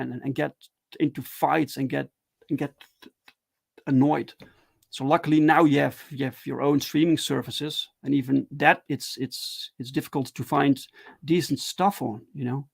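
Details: Adult man who stutters, talking live in a solo stream; stuttering.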